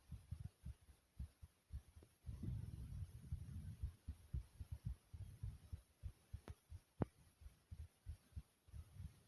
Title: Thumpy Heartbeat Sound ❤❤